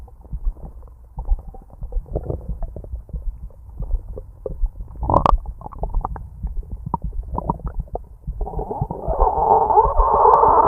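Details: Loud stomach growling: low gurgling and rumbling with bubbly pops, building to a louder drawn-out growl near the end; borborygmi.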